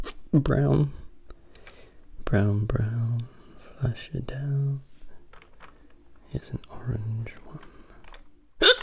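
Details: Repeated sudden voiced hiccups, about six, interrupting soft whispered ASMR speech in a quiet room; hiccups during an attempted ASMR recording.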